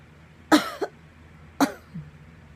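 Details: Hiccups that began after getting up too fast, a recurring pattern over the past year: two abrupt, sharp vocal bursts about a second apart, each with a brief catch, in a quiet room.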